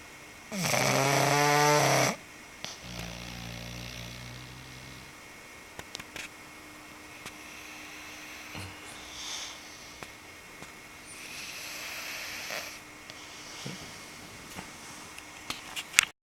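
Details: English Bulldog snoring while sleeping on a couch: one loud, rumbling snore followed by quieter snuffling breaths and room noise.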